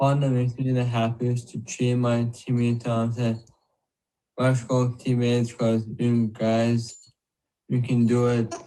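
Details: Patient with TANGO2 deficiency, slurred speech occurring with other motor problems; dysarthria (slurred speech).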